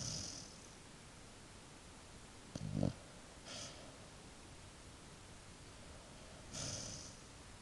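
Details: Animal dozing off and snoring: a few separate low snorting breaths with soft hissy exhales in a quiet room.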